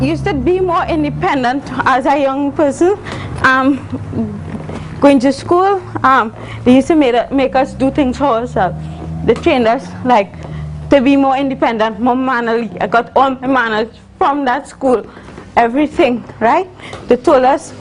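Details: Adult woman, university student, with congenital cerebral palsy involving spasticity and athetosis; dysarthric speech in cerebral palsy.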